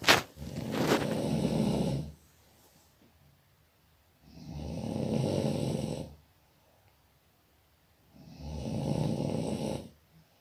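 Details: Sleeping person snoring: loud, rough, rattling snores on each breath in, about three in ten seconds, with quiet pauses between; ordinary heavy snoring.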